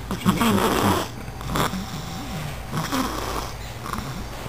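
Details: A sleeping person snoring: rough, rumbling noisy breaths repeating during sleep.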